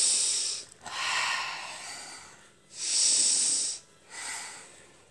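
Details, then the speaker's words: Loud, hissing, snuffly breaths in and out through a blocked, congested nose, about four passes in five seconds, from a child with cough, cold and fever (37.7 °C) who is told to take deep breaths. "hidung tarik nafasnya. Buntu. Ya, enak. Tarik nafasnya yang dalam biar oksigen, Mas."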